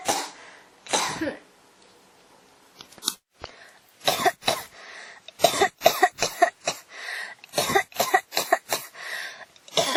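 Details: Someone with a cough that won't stop: repeated dry coughs, a few single then rapid runs of short bursts, about fifteen in ten seconds; persistent cough.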